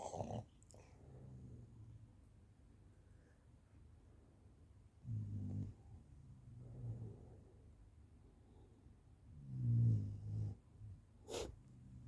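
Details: Quiet, low, rumbling snores with soft snorting breaths about every four to five seconds from a sleeping animal; snoring.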